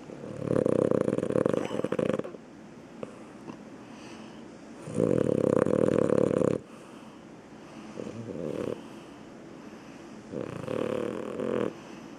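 Loud, rough snores on the in-breath, about four in 12 seconds, with soft breathing between.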